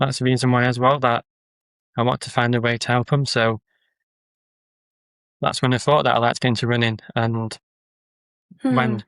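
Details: Adult man with a stammer who uses social media videos to build confidence; stuttering.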